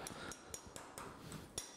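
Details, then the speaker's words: Six sharp metallic taps of a surgical mallet marking medial and lateral lines on the femur through the cutting block during total knee replacement surgery. "لما نجيب سو بليد نعلم بيه مكان الخطين دول هم هنكسر بعد كده فيهم او وسطهم رفيع، وهامر ونبتدي نعلم"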